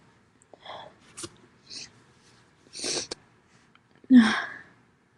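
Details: Loud sneezing from a female: several sharp bursts of sneezing, the last one loud and forceful.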